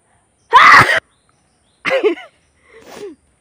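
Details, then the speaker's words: Single forceful sneeze, then two shorter voiced sounds, provoked by poking needle-like pineapple leaf thorns into the nose in a sneezing challenge; afterwards nose bleeding and watery eyes. "শুধু তোমাদের রিকোয়েস্টে বানালাম, একটাই হাঁচি হলো, তাও দেখো কতটা রক্ত এসেছে।"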